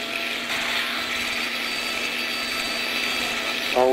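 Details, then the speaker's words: Continuous high-pitched whirring of a surgical otologic bone drill during transmastoid labyrinthectomy, for residual vestibular function persisting after transtympanic gentamicin therapy. "Okay, good. We have the drill."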